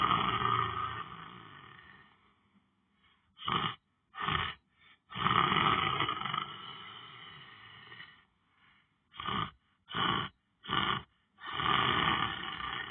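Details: Person lying down on the floor, sleeping during meditation: loud, rough, rattling breaths in long noisy runs with quiet gaps between; harsh, vibrating snoring.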